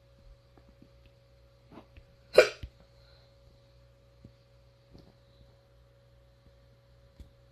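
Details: One abrupt, sharp catch of breath with a fainter follow-up in a quiet room with a steady hum: a hiccup.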